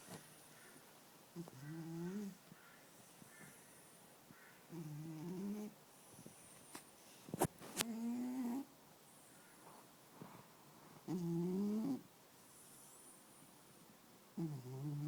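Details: Black-and-white cat snoring while asleep beside its owner: soft, irregular snoring sounds with a few quiet clicks in a small room.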